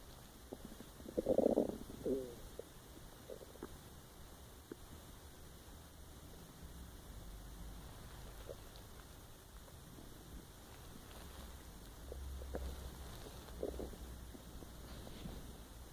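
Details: Empty-stomach growling recorded while trying to sleep: quiet low gurgles and rumbles in a still room, a louder burst near the start; ordinary borborygmi.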